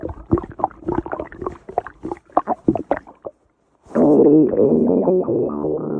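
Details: Rapid bubbling gurgles, a brief pause, then a long loud rumbling growl; active bowel sounds, ordinary stomach growling (borborygmi).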